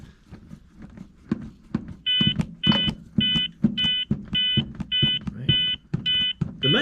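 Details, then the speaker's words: ZOLL X-Series monitor pediatric CPR feedback demonstration: regular electronic metronome beeps at 105 per minute over chest compression thumps, one compression per beep. "105 compressions per minute. So, every time you hear a beep, you should do a compression."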